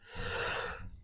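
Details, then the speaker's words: Adult with a plugged nose and sore throat gives a single harsh, noisy snort-like breath through a blocked nose; nasal congestion. "As you can hear, I'm I'm worse today than I was then. Tempon Lake is not nice to you [snorts] as far as um getting a sore throat or nasal congestion."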